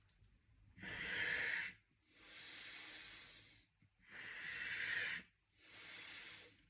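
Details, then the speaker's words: Maximal inspiratory pressure test on a threshold inspiratory trainer, two breaths per setting before turning a quarter-turn tighter: two loud hissing resisted in-breaths, each followed by a softer out-breath. "Là, j'ai fait deux respirations. Je tourne d'un quart de tour et je recommence."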